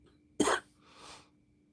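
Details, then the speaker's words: A single harsh cough followed by a breathy intake, from a woman who says her illness went into bronchitis; her sister started with the same illness. "She's better than I am now, but we kind of sounded like we started with the same thing. Hers she's getting better, mine went into bronchitis."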